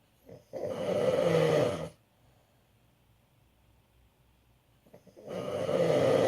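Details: Father snoring: two loud, rough snoring breaths with a quiet pause between them; ordinary snoring.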